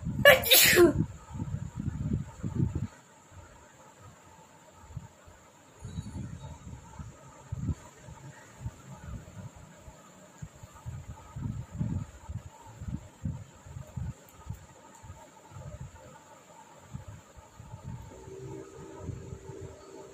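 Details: Sneezing challenge: one loud sneeze at the start, then soft nasal sniffing and snuffling in a quiet room.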